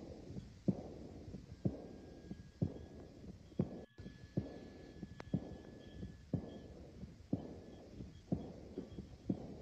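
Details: Patient whose BP fell from 100/40 to 95/20, becoming progressively tachypneic and diaphoretic; regular heartbeat near 62/min with a soft blowing murmur after each beat: aortic regurgitation murmur.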